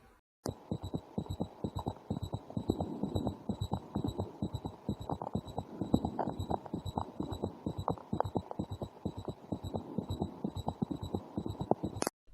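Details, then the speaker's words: Pediatric cardiology teaching example: rapid low heart thumps in a galloping pattern, with an extra sound just before each S1. It is heard at the apex, always pathologic, and linked to decreased ventricular compliance from ischemia or hypertrophy; S4 gallop. "An S4 gallop is usually associated with decreased ventricular compliance that occurs with myocardial ischemia or ventricular hypertrophy."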